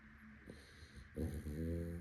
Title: @Bruno_.it_is is snoring 💤 out loud while sleeping 😴 | Labrador | Dog Snoring | Sleeping